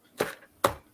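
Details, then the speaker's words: Fetal heartbeat recorded on a phone the day before birth: two quick whooshing thumps from a fetal heart monitor, fast rate near 130 a minute. "courtney you weren't here when i was talking about it but i have a recording on my phone of maddie's heartbeat before the day before she was born and it sounds like it sounds like this oh it's fast right yep"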